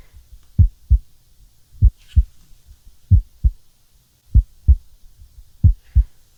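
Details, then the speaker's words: ASMR roleplay exam on a real adult patient reporting stomach ache, scratchy throat and tiredness (pulse 75 bpm earlier): stethoscope on chest, clear regular lub-dub, S1 and S2 heard, no S3, S4 or murmur; normal heart sounds. "I'm able to hear S1 and S2. Not hearing S3 and S4, which is very good. All normal sounds coming from your heart."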